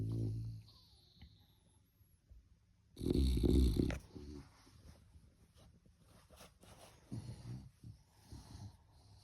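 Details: Puppy sleeping in its bed during a morning nap: one loud snorting snore followed by quieter rattly breaths, in a small room.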